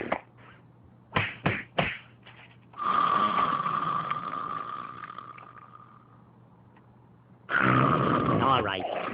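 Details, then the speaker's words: Cartoon snoring (Bugs Bunny and Daffy Duck): a long rasping inhaled snore followed by a second snore, with short snorts before it. "Hey, wake up. Come on, you're snoring. Wake up. Daffy, wake up."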